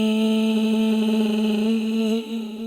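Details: Young college woman whose voice never returned to normal after two weeks of voice loss from screaming at a football game. She sustains an 'e'; asymmetric vocal cords from a hemorrhagic vocal cord polyp give a rough double pitch. Finding: diplophonia.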